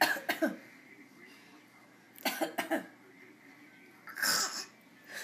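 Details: Children deliberately producing pretend coughs: short, sharp coughs in small clusters; voluntary (fake) cough.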